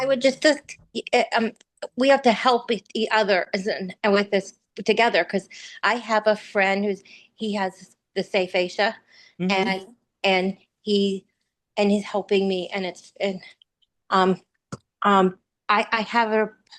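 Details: Real aphasia in an aphasia support group participant reciting a blessing from memory, with word errors and difficulty retrieving words; aphasia.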